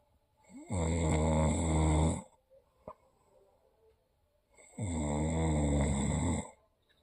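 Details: Two loud, deep, rumbling snores on breathing in, each about one and a half seconds long, with quiet pauses between, likened to a hippopotamus; heavy snoring.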